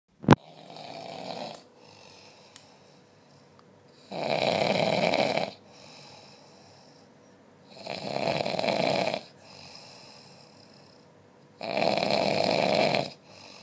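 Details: Loud snoring: rough snores on each breath in, roughly every four seconds, about 15 a minute, with quiet breathing out between.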